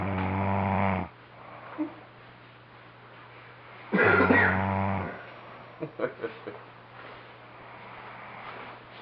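Two loud, low, rattling snores about three seconds apart, with quiet breathing and faint snuffles between: snoring during sleep.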